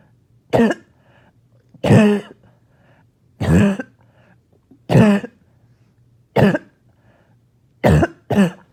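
Seven harsh, barking coughs come at irregular intervals, about one every second or so, with a low hum behind them. This is a barking cough.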